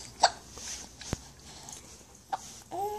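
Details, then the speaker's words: A child who has had hiccups for a long time today tries to talk through them: two abrupt, short catching sounds about two seconds apart in a quiet room, then a voice starts; hiccups. "It's hard to talk with the hiccups, huh? It's hard to talk with. Oh, really? You had those a long time today, huh?"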